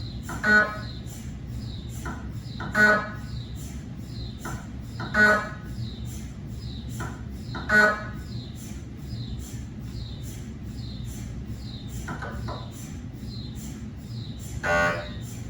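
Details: Cardiac MRI gradient noise from a GE 3T scanner with 8-channel cardiac coil scanning test phantoms: loud rhythmic knocking bursts over steady low hum, about every two and a half seconds.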